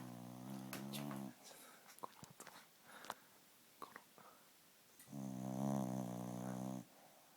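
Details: 16-year-old asleep lying on her mother: two long, droning, buzzy snores separated by quieter snuffling and clicks; ordinary snoring during sleep.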